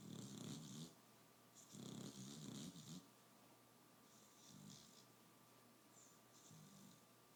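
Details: Sleeping dog snoring: rough, rattling snores with each breath, two loud then two softer, over a faint steady room hum.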